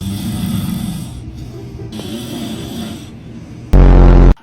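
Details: Person snoring: loud, rough snoring over a few breaths, cut off by sudden loud music; sleep snoring.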